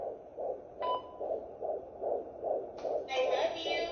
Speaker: Is that baby brother's heartbeat? Yeah? You got a heartbeat. That's your baby brother's heartbeat, Safi.